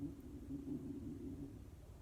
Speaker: Can you hear my tummy growling?